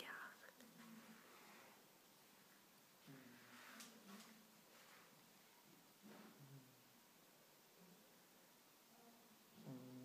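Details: Cat at a cat shelter snoring softly and rhythmically in its sleep, a low raspy breath about every three seconds in a quiet room.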